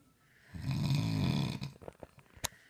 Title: Dad snoring